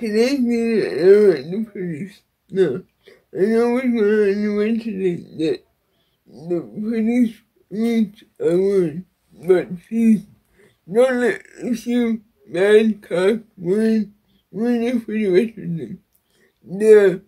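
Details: Dysarthria in an adult woman with cerebral palsy.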